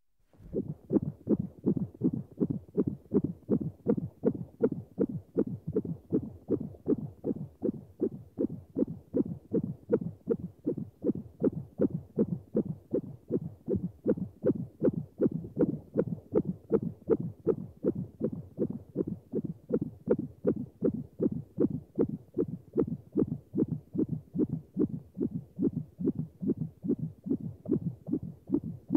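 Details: Sound-effect recording of a fetal heartbeat: rapid, regular whooshing at about 158 beats a minute, within the usual fetal range.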